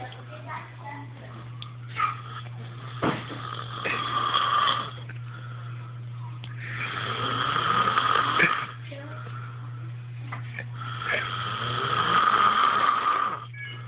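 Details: Devon snoring: loud, rattling snores on inward breaths, about three in this stretch, with a steady hum behind; snoring.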